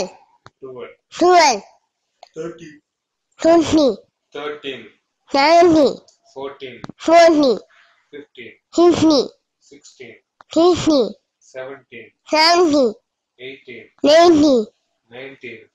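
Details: Child; hypernasality with articulation distortions (velopharyngeal dysfunction).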